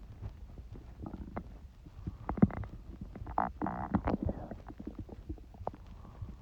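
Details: Low gurgles and bubbling squeaks in waves from the belly of a person with a cold; ordinary bowel sounds.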